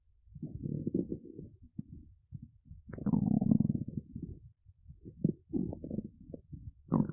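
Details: Adult woman's hungry, empty, hollow-sounding belly making stomach noises; borborygmi (stomach rumbling).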